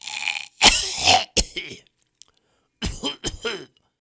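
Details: Audio resource of people coughing in different styles: several harsh, forceful cough bursts in two short groups separated by a pause.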